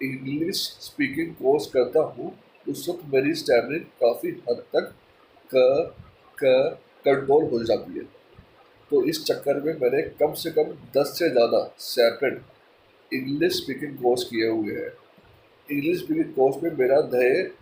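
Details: Stuttering in a person who stammers, speaking mixed Hindi and English; finding: stuttering.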